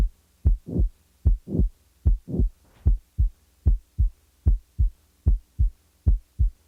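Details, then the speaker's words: Simulated heart sounds at about 75 beats per minute: a late systolic murmur, which starts in late systole and runs to S2, is added to the cycle and then removed. "The following example will display such a late systolic murmur. The murmur will be added and then removed from the cycle."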